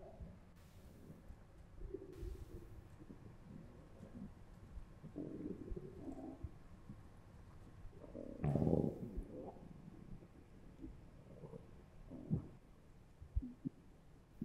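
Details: Adult's stomach after eating three slices of pizza, recorded with a Zoom H1n recorder held against the abdomen: irregular gurgles, squelches and churning rumbles over a quiet background, bowel sounds.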